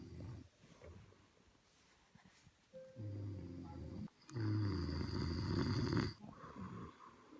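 Two deep, rattling inhaled snores a few seconds apart over faint background noise; ordinary snoring.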